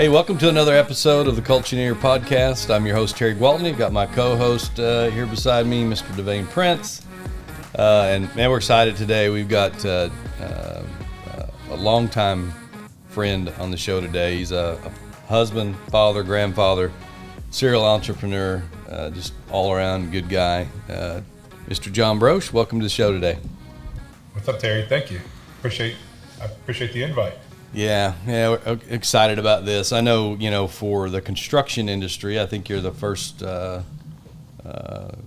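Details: Adult men talking; typical speech.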